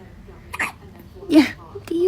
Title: Newborn hiccups #baby #petshub #newborn #funny #cute #dogfood #happybaby #family